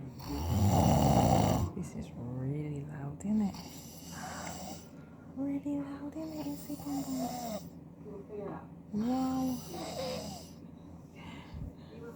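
One loud, rough snore on a breath, followed by voices talking in a small room.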